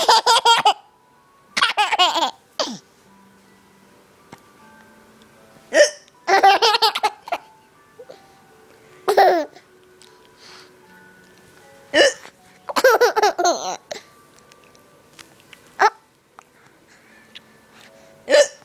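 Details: Mother and daughter hiccuping together: short, abrupt hiccups at irregular intervals, mixed with laughter and faint music.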